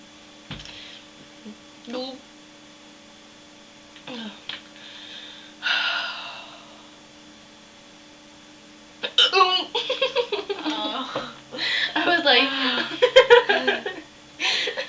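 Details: Woman with real, not faked, hiccups: several abrupt, sharp catches of breath at irregular intervals, then laughter and talking; hiccups.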